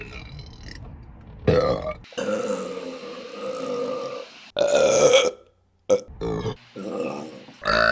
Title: Burping Compilation December #1 | RBC